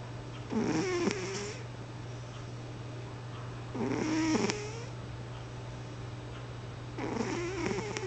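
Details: Snoring: regular breaths about every three seconds, each a rough fluttering draw with a whistly edge, over a steady room hum.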